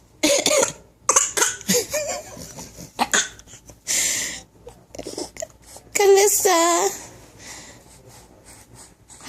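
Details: 6-month-old baby girl, prompted by parent, gives several short breathy cough-like bursts in playful imitation of coughing; voluntary fake cough.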